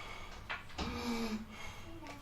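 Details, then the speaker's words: Wheezing imitated by an adult speaker in a health talk on smoking: a brief, steady whistling tone on the breath, as in narrowed airways with shortness of breath. "is from vision when the patient starts having wheezing shortness of breath"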